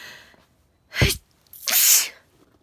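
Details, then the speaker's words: Person sneezing just before going to bed, with their 17-year-old cat purring nearby. "oh my just started sneezing i'm just about to go to bed"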